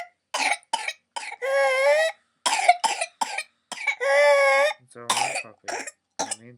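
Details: Whooping cough paroxysm in a 22-month-old fully immunised girl, pertussis confirmed by pernasal swab: runs of rapid, harsh coughs broken by long, high-pitched indrawn whoops, with a parent comforting her.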